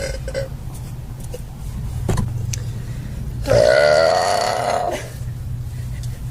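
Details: Girl lets out one long, loud, voiced burp lasting about a second and a half, over a low rumbling car-like background; belching.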